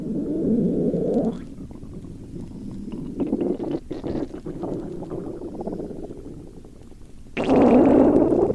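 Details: Sleeping girl, snoring while hungry: long low rolling growls and gurgles from the belly with a loud surge at the end; stomach rumbling (borborygmi) from hunger, a normal gut sound.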